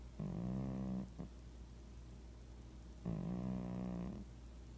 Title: Cat Snoring